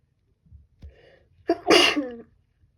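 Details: A female with a cold sneezing: a few quick catching breaths build up to one loud, voiced sneeze. Sneeze.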